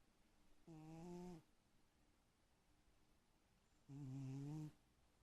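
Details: Sleeping cat snoring: two short, buzzy, humming snores about three seconds apart in a quiet room.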